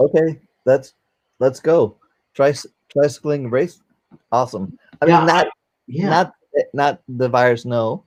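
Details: 44-year-old man, former paramedic, with post-stroke aphasia following a stroke during valve surgery; cannot use one arm; aphasia.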